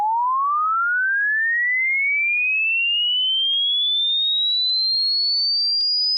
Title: Hearing test